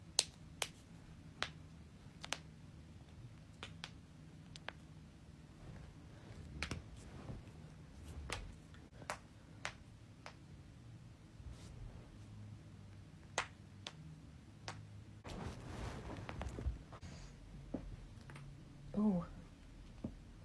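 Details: Repeated sharp, dry pops of cracking joints: joint cavitation.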